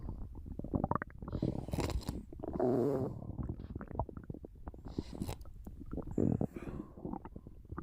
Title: Just a little nap^^ Snoring and stomach sounds